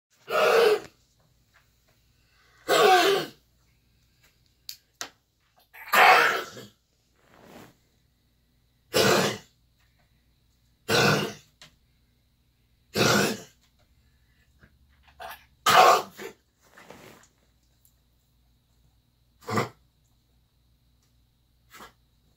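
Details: Australian Shepherd dog with kennel cough: repeated harsh, dry honking coughs with quiet pauses between.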